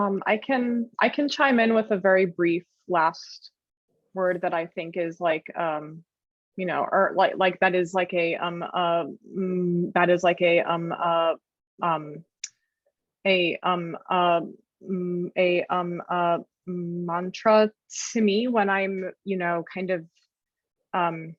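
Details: Adult self-described person who stutters, with blocks in high-pressure situations such as speaking in front of people or on the phone; stuttering.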